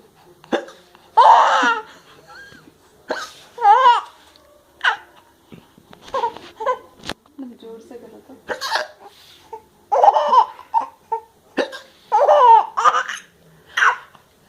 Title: laughing on hiccups